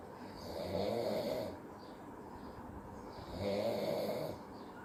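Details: Father asleep, recorded by his child as a prank: two long, rough snores roughly three seconds apart with quieter breathing between; steady sleep snoring.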